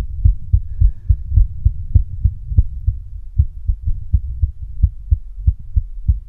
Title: Female heart beating with visible neck pulse